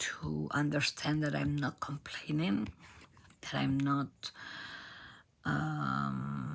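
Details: Adult female professional singer from Argentina with abductor spasmodic dysphonia, in which spasms open the vocal cords. Onset was in 2015, and it is treated with Botox injections.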